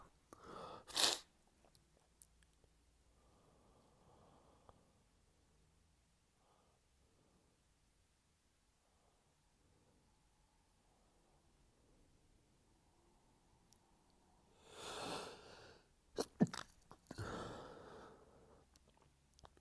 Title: Allergy Sneezing Fit